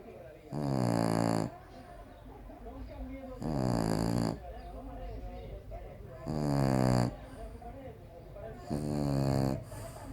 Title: Bulldog Frances roncando